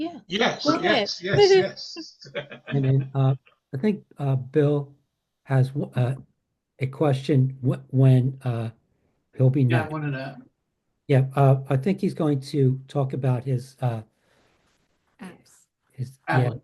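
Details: Aphasia in an adult male, acquired after a traumatic brain injury from a bike accident without a helmet and a month-long coma, about four and a half years post injury; ongoing aphasia.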